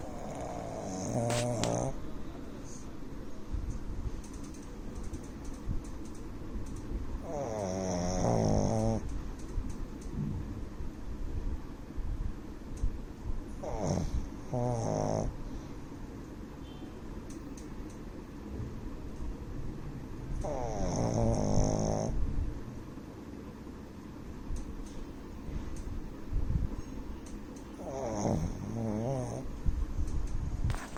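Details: A sleeping 9-month-old male pug snores in loud, rattly bursts roughly every seven seconds.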